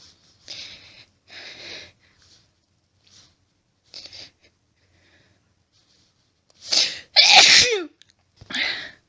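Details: A woman's quiet sniffs and hitching breaths build to two loud, wet, forceful sneezes, then a sharp breath; a washcloth is held before her face, after stifling many sneezes, louder and wetter than usual.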